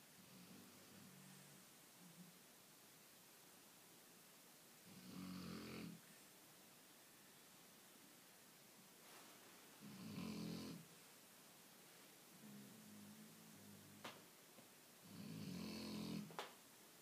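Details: Sleeping Shar-Pei dogs: repeated rough, rattling snores in a quiet room, about one every five seconds; snoring.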